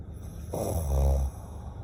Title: Dead snore